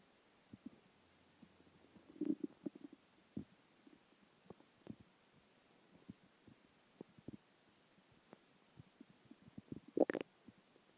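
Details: Stomach growling after skipping lunch: quiet scattered gurgles, pops and a few louder rumbling squeaks from the belly; normal hunger borborygmi.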